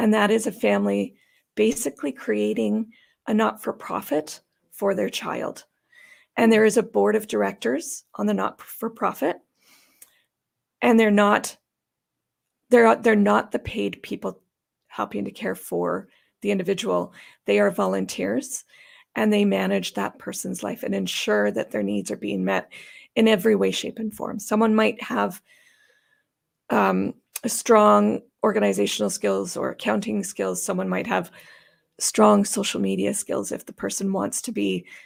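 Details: Adult woman with idiopathic subglottic stenosis for about 12–14 years, treated with repeated tracheal dilatations and surgeries on her trachea; she says these may leave her sounding gravelly or gasping for breath. Dysphonia from subglottic stenosis.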